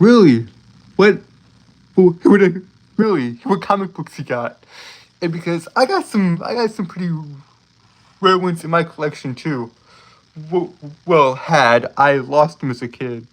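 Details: Adult male streamer with a self-reported speech impediment, stuttering.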